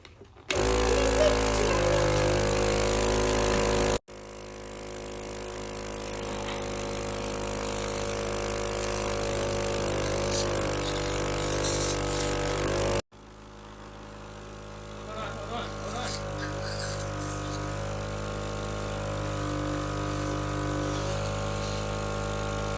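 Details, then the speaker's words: A parent suctions a young son's tracheostomy after the cap, worn for over a year, blew off; a suction machine hums steadily with intermittent gurgling slurps. "but this is the suctioner and he actually blew his cap off so I'm just gonna suction him right now"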